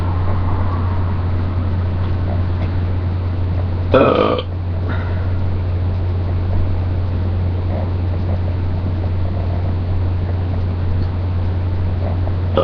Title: first burping video